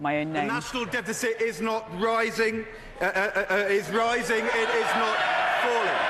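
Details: Adult man, a former cabinet minister who has a stammer, speaking in public with hesitation and repetitions; stuttering.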